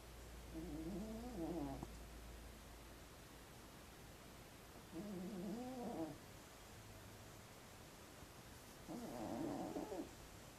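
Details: Snoring: a pet cat snoring loudly, audible from another room.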